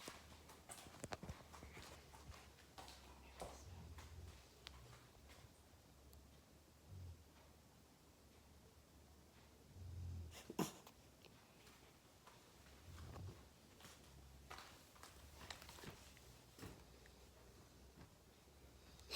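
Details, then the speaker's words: Sleeping dog: soft, low rumbling snores repeating about every three seconds, with scattered clicks and rustling; snoring. "so guys, so you might not know this, but from finding my Alice video, you probably saw my dog, and my dog is sleeping, and it's kind of"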